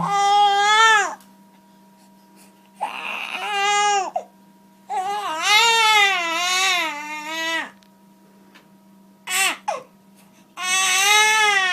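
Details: Irritable newborn boy held in mother's arms during a Gonstead chiropractic examination and adjustment: loud, rhythmic crying in clear wails with pauses for breath over a low hum; ordinary newborn crying.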